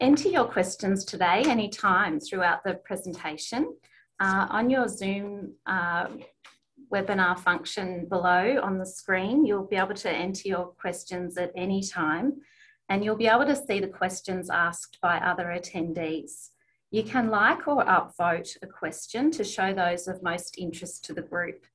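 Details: Adult woman speaking; normal speech.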